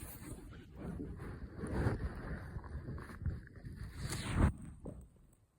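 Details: Morning stomach growling on waking: low, irregular gurgling and rumbling with a louder squelch near the end; ordinary bowel sounds (borborygmi).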